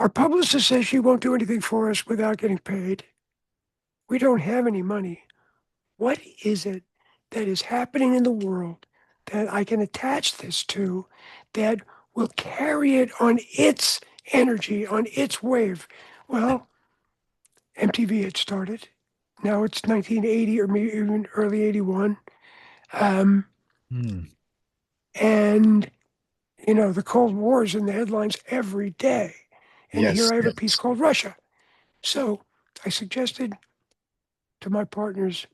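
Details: Adult man whose voice was altered by throat cancer, treated with surgery, radiation and two years of experimental chemotherapy, with no recurrence since: altered voice after throat cancer treatment.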